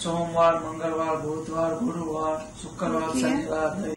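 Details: Boy with puberphonia after a single voice therapy session, voice radically changed; voice after puberphonia therapy.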